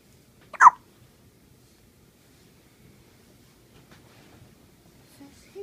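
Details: A single sharp, abrupt hiccup in a quiet room, followed by faint background sounds: hiccup.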